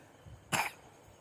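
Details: Person with a cold and sore throat, drinking hot water for relief; a single short, harsh cough burst against quiet room noise.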